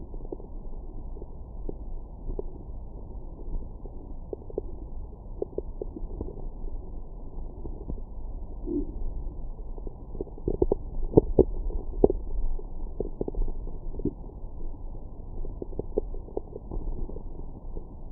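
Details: Stomach growling after breakfast: low muffled gurgles and soft irregular pops; normal post-meal bowel sounds.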